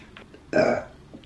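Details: Female burping: a single loud, rough belch of about a quarter second against quiet room noise.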